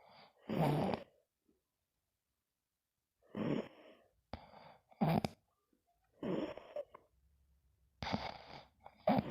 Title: snoring 😴 😴 teddy | sleeping teddy and yo yo 😃😃 |